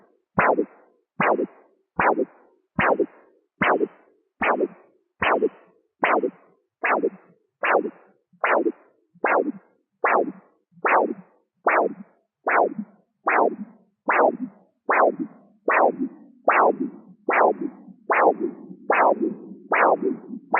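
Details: Doppler arterial pulse signal heard with a CAT+ Doppler instead of a stethoscope during blood pressure measurement: regular whooshing pulse sounds at about 74 per minute, each a sharp swish quickly fading.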